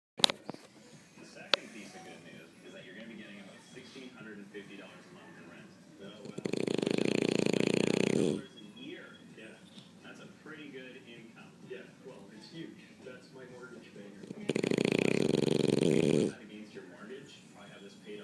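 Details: French bulldog asleep: two long, loud rattling snores about eight seconds apart, with television talk in the background; snoring.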